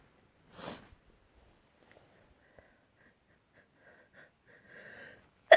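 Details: Adult's loud explosive sneeze, followed by quiet breathing and a click; repeated sneezing after working with wood and dust.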